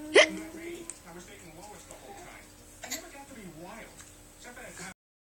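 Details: A sudden sharp gulp early on, then chatter and laughter in a small room; someone laughing when another person hiccups.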